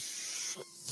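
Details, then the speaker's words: Steady airy hiss of the speaker's own home mechanical ventilator delivering a breath, then briefly quieter, heard while he records a podcast. "my name is and that noise you're hearing is my Bentley"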